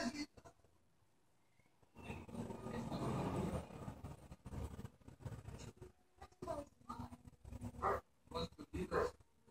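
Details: Snoring from a pet dog sleeping; owner says she snores a lot when she sleeps.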